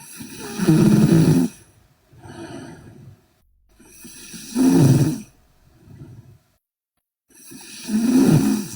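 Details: Loud, rattling snoring from a sleeping Korean girl on each breath in, about 17 breaths per minute, with quieter breaths out between them.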